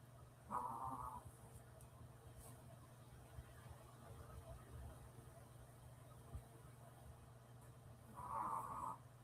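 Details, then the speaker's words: Female dog named Bandido asleep, snoring loudly; owner says she could outdo a pug and sounds like she needs a CPAP machine. Snoring. "Y'all hear it? Darla always blames me for snoring, but that's who's snoring. A Bandido can snore. She I think she could outdo a pug."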